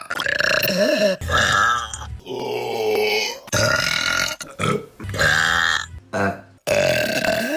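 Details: Burping compilation clip: a run of about seven loud, drawn-out, deep-voiced belches with short gaps between them, repeated burping.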